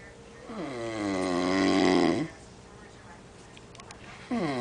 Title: who's snoring